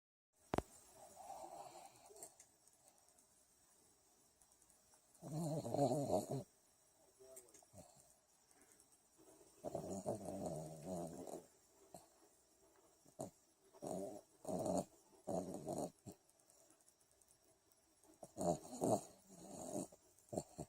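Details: Rat Terrier dog snoring while asleep: short, rattly snorting breaths in irregular bursts with quiet gaps.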